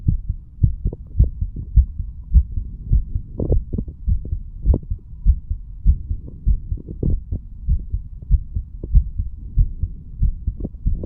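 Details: Self-recorded heart sounds of a 35-year-old male, standing, auscultated over mitral, tricuspid, pulmonary and aortic areas and right ventricle area; steady deep heartbeats with stethoscope rubbing noise against the chest.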